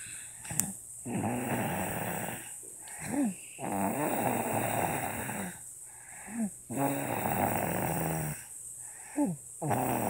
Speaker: Is this normal for a 1-year-old sleeping baby?